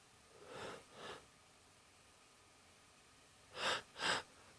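Two soft airy bursts, then two sharper quick bursts in a quiet room, fitting a short run of small sneezes.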